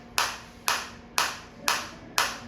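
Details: A focused shockwave therapy applicator firing during a depth-adjustment demonstration (levels 1–5, depth inversely related to level): sharp, evenly spaced snapping pulses about two a second, steady, at low intensity.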